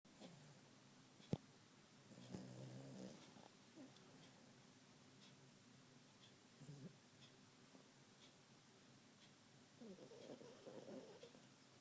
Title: Snoring Yorkie with spooky eyes